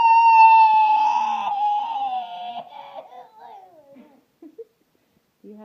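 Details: Child who had been fake sneezing all night: a single high wailing cry sliding downward and fading over about four seconds, followed by small whimpers; crying episode.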